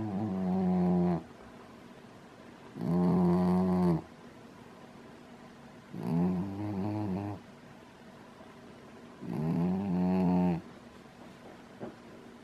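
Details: Dog asleep in a crystal bowl with his head upside down, snoring loudly: regular deep buzzing snores, about four over twelve seconds, with quiet gaps between.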